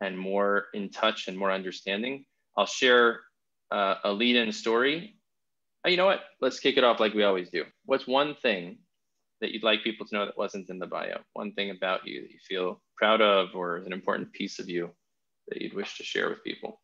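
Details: Adult male speaker; normal speech.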